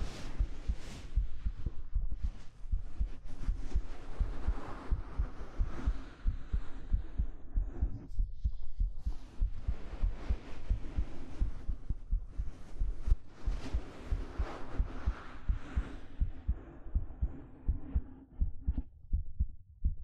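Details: Steady, soft low heart thumps heard close up in a binaural (3Dio) ASMR hug recording, with fabric rustling and stroking over them; an ordinary regular heartbeat.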